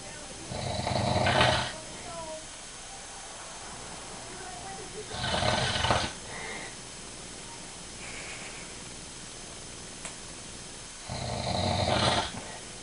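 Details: Adult man (the uploader's father) snoring during sleep: three loud, rough snores about five seconds apart, roughly 12 breaths a minute, quiet room noise between them.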